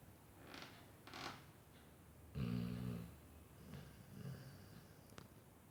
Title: Millionaire dog - nuna snoring